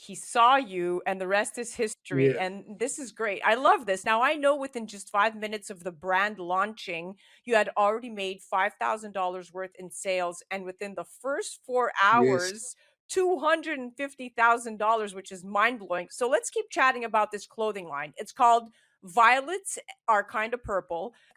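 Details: Adult female speaker; Normal speech.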